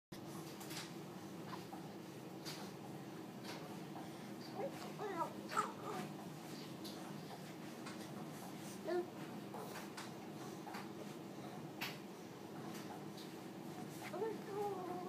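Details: Infant aged 15 weeks and 3 days makes soft gurgles, hiccups and brief vocal sounds over a steady low room hum.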